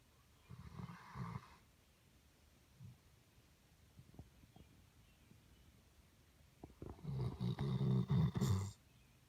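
Low, gravelly snores in two bursts separated by quiet breathing and small clicks; ordinary dog snoring.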